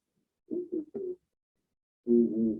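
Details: Pectoriloquy: the spoken word "treinta y tres" (thirty-three) comes through the chest wall to the stethoscope muffled but distinct.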